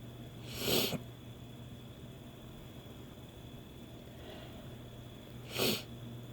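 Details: Woman's sneezes brought on by sneezing powder (chhinkni), used for the first time: two short hissy bursts about five seconds apart over a steady hum.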